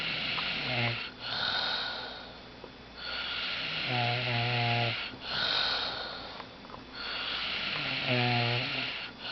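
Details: Regular snoring, about 15 breaths a minute, buzzing, vibrating snore on each breath in and hissing breath out, from a sleeping adult man snoring loudly; snoring.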